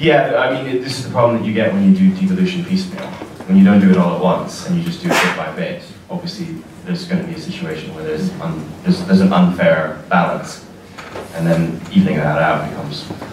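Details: Adult man speaking; Normal speech.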